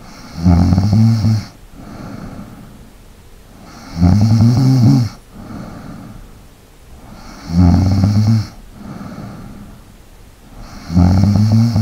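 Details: Person snoring for ASMR: loud rattling snores on each inhalation with quieter exhalations, about 17 breaths a minute in a quiet room: steady snoring.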